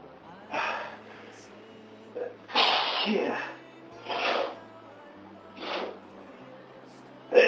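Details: Person with a cold for about three days: several noisy bursts, one longer explosive sneeze among short sniffs and breaths, with faint music in the background.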